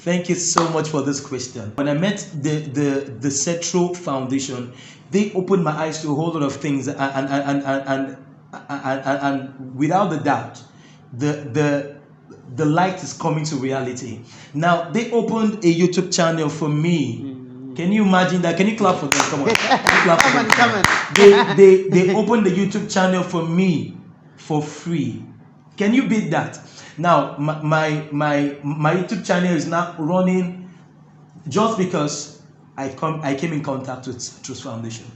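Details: Stuttering (stammering) in an adult male interviewee who says his stammering makes talking difficult, though his singing flows with ease.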